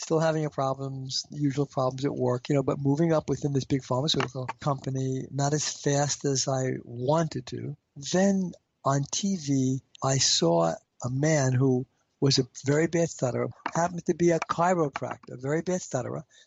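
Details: Adult man with a stutter; stuttering.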